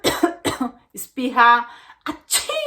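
An adult makes several short, sharp cough-like bursts with a longer voiced sound in the middle: an imitated cough.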